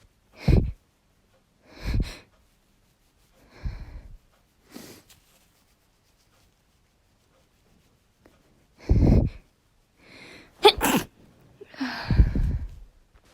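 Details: Woman's mix of sneezes: about seven sneezes, some stifled and quiet, others loud, with sniffles, hitching and build-ups between.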